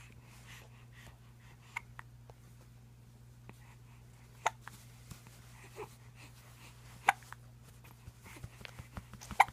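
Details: A baby girl who gets hiccups every night after dinner: soft, sharp catches repeating irregularly, about 26 a minute, over a steady low hum.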